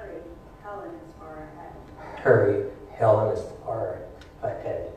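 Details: Patient with spasmodic dysphonia reading standard sentences before taking sodium oxybate (untreated baseline), example of voice breaks: spasmodic dysphonia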